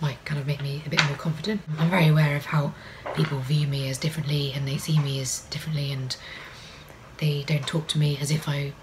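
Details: Adult woman with vocal cord paralysis, which she says can be heard, for which she takes no medication: vocal cord paralysis.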